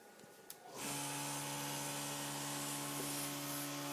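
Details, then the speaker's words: Suction machine switched on before nasotracheal suctioning in a respiratory care demonstration: click, then a steady motor hum with hiss as it runs continuously. "so now we just connected our catheter with our suctioning source and we're going to turn it on"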